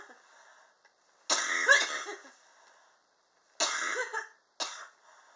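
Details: Prolonged persistent cough, three harsh coughs, the first a drawn-out rattling burst, in a quiet room; the person says extreme indoor temperatures in a high-rise apartment trigger it.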